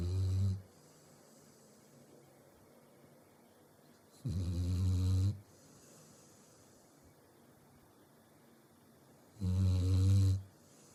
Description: Luna, Our Labrador, Snoring.